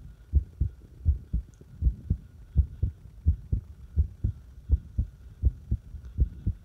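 Fast heartbeat at about 82 paired beats a minute with uneven spacing between beats, an irregular rhythm.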